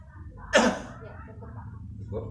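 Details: Single sharp, forceful voluntary cough in a quiet room, a simulated demonstration by a nursing student teaching effective coughing and deep breathing.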